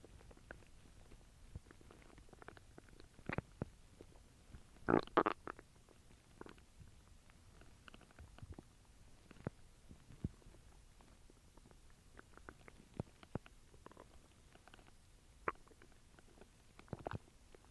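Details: Scattered short gurgles and clicks with a louder rumbling burst over faint background noise, from ordinary stomach rumbling: bowel sounds (borborygmi).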